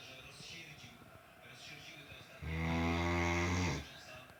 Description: Great dane snoring like human !!! :)